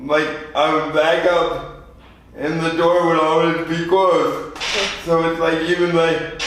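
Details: 24-year-old man with lifelong spastic quadriplegic cerebral palsy following premature birth at 2 lb 4 oz; spastic dysarthria.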